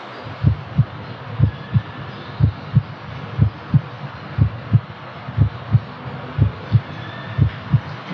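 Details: Clear, regular two-part heartbeat at about 70 beats a minute over a low hum, heard with a stethoscope over the mitral area at the apex (fifth intercostal space, 1.5 cm medial to left midclavicular line); normal heart sounds, no murmur.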